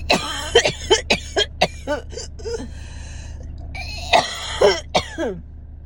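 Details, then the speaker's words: Adult woman with asthma, no lung infection, inflamed from an attack the day before, recorded close-up in her car during deep breaths: clusters of short dry tight coughs with whistling wheezy breaths between, her dry asthmatic cough. "so um that is what it sounds like for me today with um what I would call my my dry cough that's um that's a cough without deep infection or anything in in my chest"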